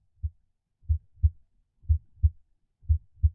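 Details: Simulated normal heart sounds on an iPax auscultation simulator, chest piece moved from the aortic valve point of maximum intensity, so the sounds become quieter away from that point.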